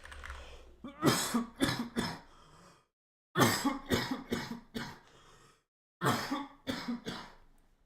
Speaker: oh you guys hear that cough chat I think I'm dying chat I think I'm actually dying